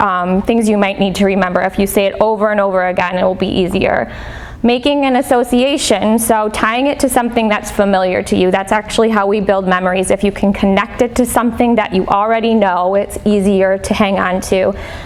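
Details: Adult woman speaking; normal speech.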